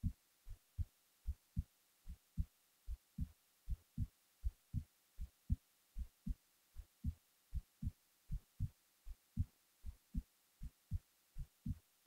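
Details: Steady low thumps at about 77 beats a minute over faint background hum, recorded while falling asleep; a heartbeat.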